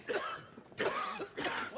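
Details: Three short, harsh cough bursts from an adult actor in a TV drama scene; cough.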